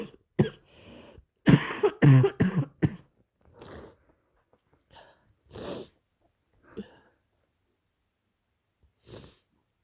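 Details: Person with a bad head cold (scratchy throat, headache; often sick since working at a kindergarten), curled up on a couch: several harsh, explosive sneeze bursts with sharp breaths between, then quieter single sneezes; sneezing.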